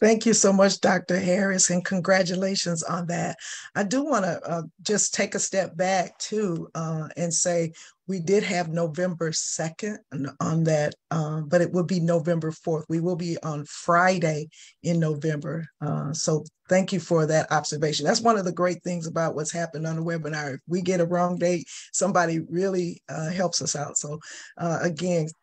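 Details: Adult speaker; normal speech.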